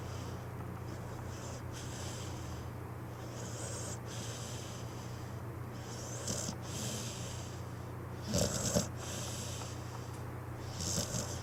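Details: Pitbull snoring in sleep: soft, hissy snoring breaths repeating over a steady low hum, with a louder snort near the end.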